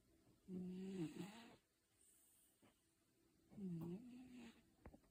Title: #cat Snoring Fred, he must be dreaming of a haircut. #CatGrooming